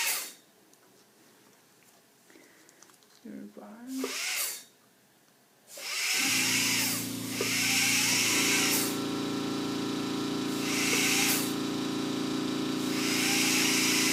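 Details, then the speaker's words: Brief quiet sounds, then a loud steady whine with hissing spray from a spinning polisher with prophy paste cleaning the teeth of an anesthetized, intubated dog premedicated with ACE and atropine; veterinary dental polisher. "Prophy paste. Smells like blueberries. It's our polisher. See, it spins."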